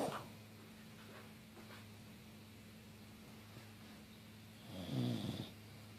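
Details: English Bulldog asleep on the couch with her tongue sticking out: rumbling inspiratory snore over a steady low room hum; loud snoring.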